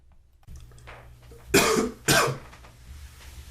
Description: Typical morning...coughing, sneezing, sniffling.